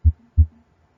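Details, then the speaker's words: Normal heart sounds auscultated with stethoscope at the base, aortic area, where the second sound (S2) is louder, drier and shorter than the first; normal cadence. "Entonces ahora vamos a ocultar el segundo ruido que se va a escuchar mejor en la base a nivel aórtico aquí el dup está con mayúscula porque se escucha un poco más intenso en esa zona es un el segundo ruido Es un tono más seco"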